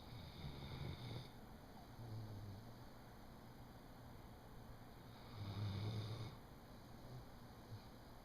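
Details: Dog snoring: slow, low rumbling snores about four seconds apart, roughly 14 breaths a minute, over a steady background hum.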